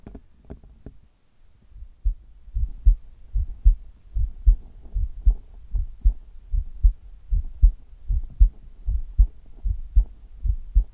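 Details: Steady, regular lub-dub heartbeat at about 76 beats a minute: normal heart sounds recorded over the chest of an adult for an ASMR recording.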